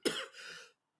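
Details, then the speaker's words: An adult on a livestream gives a single harsh cough that trails into a brief throat-clearing rasp, in a quiet indoor room, then apologises for the cough. "excuse me please excuse me this cough Jesus have mercy"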